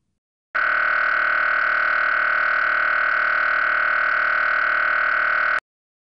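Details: MRI brain scanner noise during a research scan of a child at an imaging center: loud steady buzzing tone with rapid regular pulsing, about 200 pulses a minute, heard while images are being taken and the patient must lie still.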